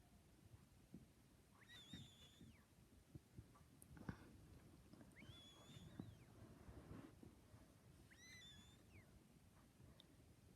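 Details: Snoring cat making a bird-like snoring sound.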